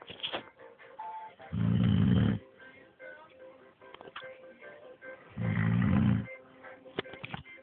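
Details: Man snoring during sleep: two loud, rough snores about four seconds apart, around 15 breaths a minute, over background music.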